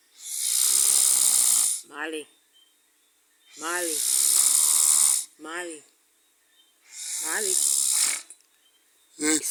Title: snoring spree